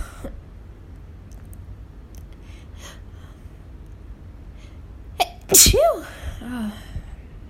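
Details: Allergy sneeze triggered by house dust while cleaning: a quiet room, then a sharp intake of breath and one loud, explosive sneeze.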